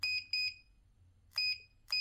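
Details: Short high-pitched electronic beeps, two quick then two more, as settings (timer, ion mode) are changed on an LW-007A 1 MHz/3 MHz ultrasound therapy machine.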